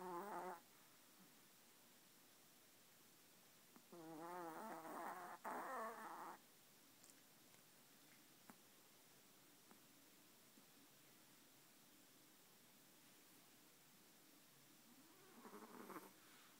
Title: Yorkie Snoring